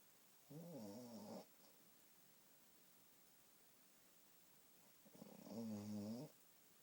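Two low, rattling snores about five seconds apart, on breathing in, against quiet room noise.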